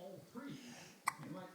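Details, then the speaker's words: A single sharp, clipped hiccup from an animal, Lacey, who always has these hiccups, over soft background talk. "always have those hiccups."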